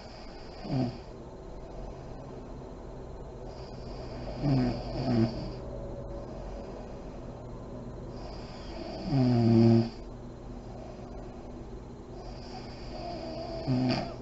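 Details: Adult woman (a mother) asleep with lights on, described as deep REM sleep: slow rattling inspiratory snores, about 14 a minute, with soft lip-puffing between; snoring.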